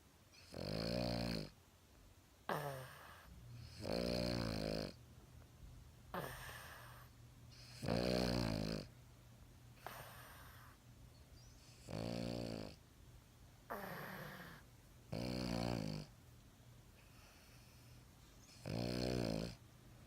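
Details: Regular rattling snores roughly every two seconds, with softer snuffling exhalations between, from a dog asleep on its owner's arm; a harmless normal snore.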